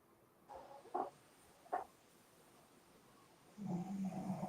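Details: Sleeping dog snoring in a quiet room: short snuffling snorts, then a longer low rattling snore.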